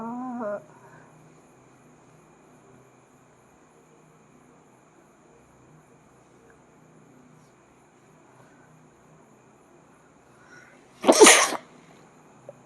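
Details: Single loud, sharp explosive sneeze from an adult after near silence, during a sneezing challenge; sneeze.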